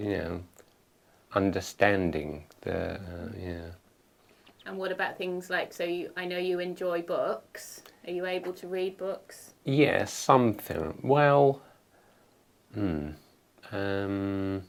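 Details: Man with aphasia after a stroke, speaking in a conversation where his partner is not using supportive communication strategies; aphasia.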